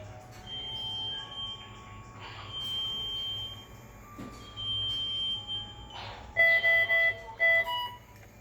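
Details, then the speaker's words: Pulse oximeter alarm on a Masimo SAT801: steady electronic tones, then a run of loud repeated alarm beeps with room noise. "Alarm settings are made from this button. The alarm sound of the device is loud enough to be heard from anywhere."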